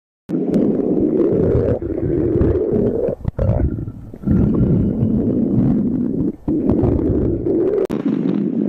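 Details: Compilation of stomach growling: loud, long rumbling growls in several stretches separated by brief gaps (borborygmi).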